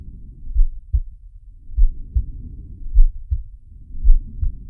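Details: Simulated heartbeat and breathing of Sharky, an animated cartoon shark from Zig & Sharko: deep low paired thumps about 55 beats a minute with a soft rushing breath sound between.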